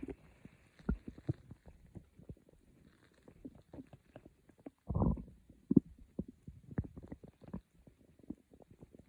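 Soft gurgles and pops with one longer low rumble: ordinary bowel sounds, normal stomach growling.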